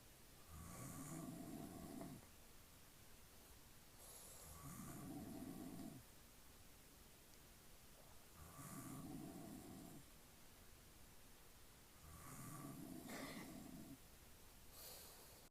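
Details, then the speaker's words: Father asleep, heavy snoring: loud, rattling snores with each breath, about 15 breaths a minute, snorting catches at the start of inhalations; someone says in Filipino "you snore loudly" and calls "Honey?" "Lakas humilik ka. Honey? Honey?"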